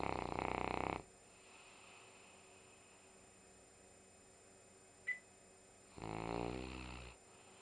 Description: enjoying her Sunday morning nap!